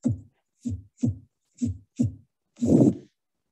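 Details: Aortic stenosis: several clean heart beats, then a long harsh systolic murmur, best at the second right intercostal space, radiating to the carotids, unchanged with respiration.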